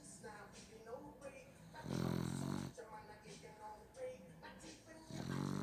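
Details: Sleeping dog snoring: low rumbling snores with snuffly breathing between them and faint background noise.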